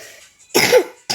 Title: Ternyata ke reset guys,sorry y lagi batuk,terima kasih ya sub and like nya